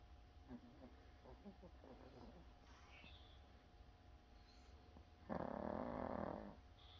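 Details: Sleeping dog snoring: soft, low rumbling breaths, then one loud, rough snore lasting about a second against quiet room noise.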